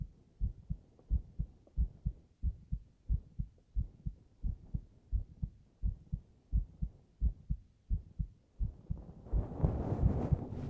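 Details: Simulated Japanese binaural roleplay (3Dio microphone) of a girlfriend listening to her boyfriend's heartbeat with her head on his chest. Steady paired low thumps at about 87 beats per minute, rustling near the end; a normal heartbeat.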